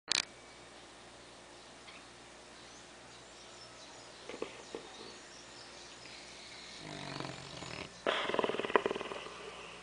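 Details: Sleeping English Mastiff, female, aged 2 years 2 months: mostly quiet room noise, then two rough, fluttering snoring breaths near the end; ordinary snoring.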